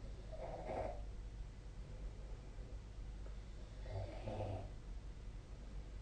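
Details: Two low, rattling snores on breaths in, about 3.5 seconds apart, over a steady low room hum; ordinary sleep snoring recorded with the SnoreLab app.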